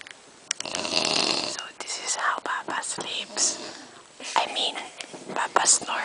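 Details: Snoring during sleep: a long, rough, noisy breath, then shorter breathy bursts, with quiet whispering nearby.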